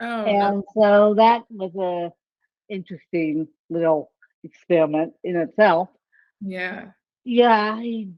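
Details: Dysarthria in an adult woman with ataxic cerebral palsy; the type of speech impairment is not named.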